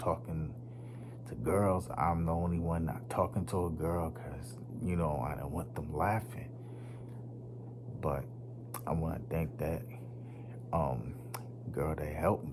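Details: Man who stutters; he says it was once so severe he could not talk, links it to his nervous system, and says it worsens when nervous around unfamiliar people; stuttering.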